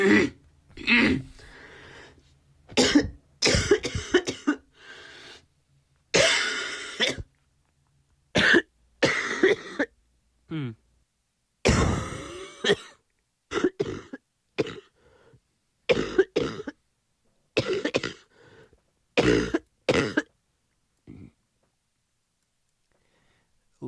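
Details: Recorded coughs from an adult who was recently sick, played as audio samples: a run of about fifteen separate coughs and throat clears with short pauses between bursts.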